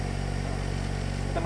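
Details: Donated oxygen concentrator running normally with humidifier bottle and nasal cannula attached for a patient; steady low motor hum with fast regular pulsing.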